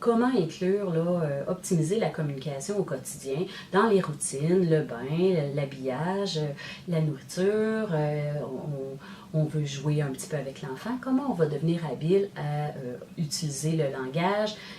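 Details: Adult woman speaking French; ordinary speech.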